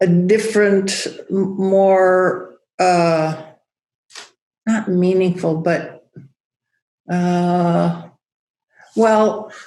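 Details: Aphasia after a stroke in a woman who teaches yoga; she still loses words, knowing the word but unable to make the linguistic connection to it.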